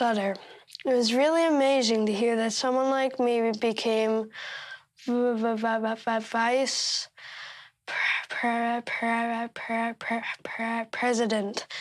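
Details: Stuttering in a 13-year-old boy who stutters.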